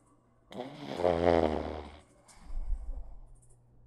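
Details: Close-up of a sleeping pug snoring: a loud, rattling snore on one inhaled breath, then a softer snorting breath.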